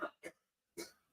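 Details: Woman in the background who has had a cough gives three short, abrupt, faint, somewhat distant cough bursts in a quiet room; cough.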